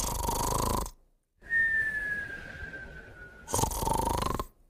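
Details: Moumou and a puppy sleeping together: rough snoring bursts alternating with a long, thin whistling tone on the breath; snoring and whistling.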